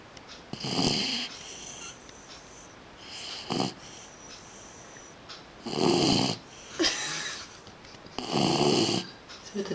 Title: snoring dog